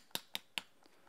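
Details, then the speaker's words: Cadaveric arthroscopic knotless Bankart shoulder repair: three sharp, evenly spaced mallet taps on the center of the inserter, seating a 1.8 mm all-suture knotless FiberTak anchor into glenoid bone after hand insertion through the drill guide. "And then at this point, I'll usually push it in by hand to get it started. And then just make sure that you tap right in the center portion of the inserter."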